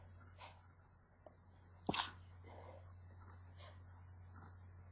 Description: just more sneezing. Got more powerful at the end so I couldn't stifle as much :P